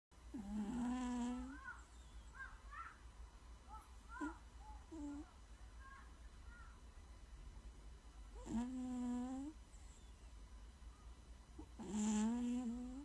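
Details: Soft, buzzy snores about every 3–4 seconds with quiet breathing between, from a sleeping cat; normal cat snoring.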